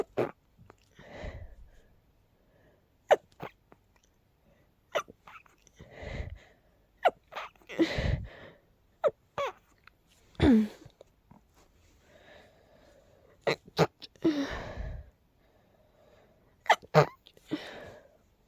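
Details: Very stifled, breathy sneezing from a tickly nose: a series of muffled sneezes, many short sharp bursts with a few fuller ones, each deliberately held back.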